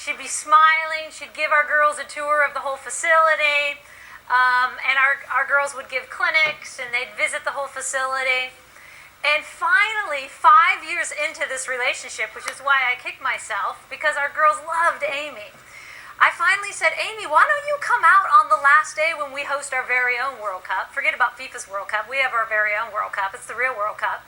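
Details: Adult woman speaking; normal speech.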